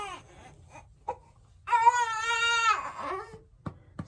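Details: Single drawn-out fussy wail with short whimpers before and after, in a quiet room, from a newborn girl born at 38 weeks who had just fed and was held on her mother's shoulder; an ordinary infant cry.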